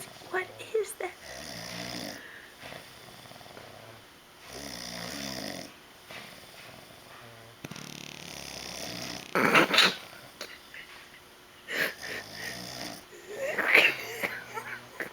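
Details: Man snoring with irregular low rumbling snores about every four seconds, with sharp animal-like vocal bursts from a reacting pet between them.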